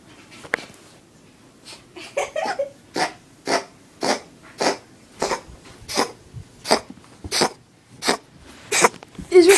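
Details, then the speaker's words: A female cat gives a run of about a dozen short, harsh, hacking coughs in quick succession; the cause is unknown and a hairball is suggested. "Is there something wrong with this cat? He's a hairball. That was funny."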